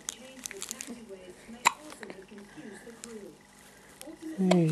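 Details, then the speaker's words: 7-day-old infant with hiccups, thought to be from too much breast milk: small abrupt catches of breath, a sharp hiccup midway and a fussy sound at the end, with soft talking over it. "Little hiccup monster. Oh. Too much of Mummy's milk."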